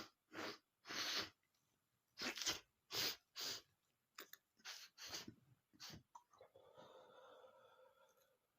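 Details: Adult male's rapid string of about a dozen short, sharp, hissing sneezes, then a noisy breath, triggered by a dusty book; repeated sneezing fit.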